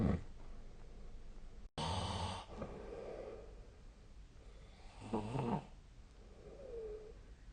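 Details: Snoring recorded during sleep with the SnoreLab app: rough, rattling breaths with a short vibrating snore followed by soft breathing sounds.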